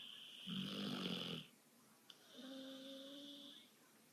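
A rough rattling breath in, then a softer whistling, wheezy breath out; snoring.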